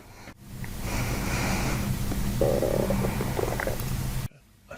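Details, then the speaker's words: Low rumbling, gurgling abdominal noise lasting several seconds with louder bubbling midway, recorded during chiropractic diaphragm manipulation with deep belly breathing; stomach growling, bowel gas and fluid release. "You need that stomach growl. Your stomach growled like the entire time, except for when the microphone was next to it."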